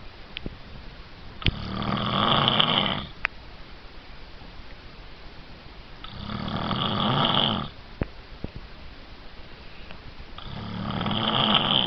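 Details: Adult man snoring: three long, harsh snores about four seconds apart, roughly 15 breaths a minute, over steady room hiss; typical snoring.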